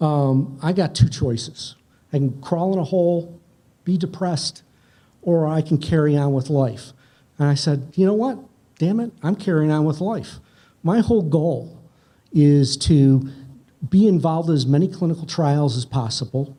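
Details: Adult man; unaffected speech.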